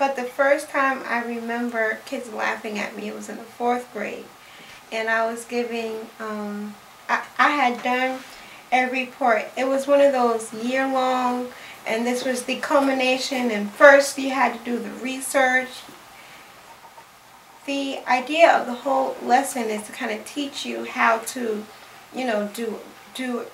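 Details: Adult female speech pathologist who has stuttered all her life and still stutters; stuttering.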